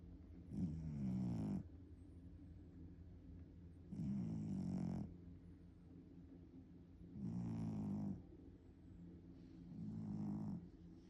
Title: The Way My Cat Snores 😆🙊